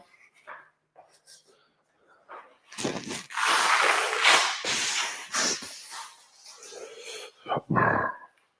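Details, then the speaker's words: Several short sharp sniffs and noisy nasal breaths in a quiet gym from an adult male strongman getting over a cold, with congestion and a raspy voice, before a heavy deadlift during a livestream. Sniffling and nasal congestion. "Just sniffles and congestion. Sniffles, raspy voice, and pure will."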